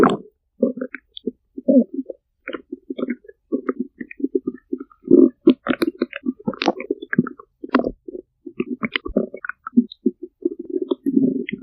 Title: chubby girl stomach growls